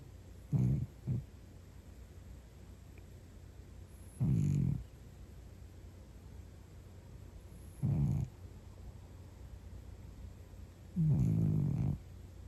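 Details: A cat snoring deeply: low rumbling snores roughly every three to four seconds over steady background hiss.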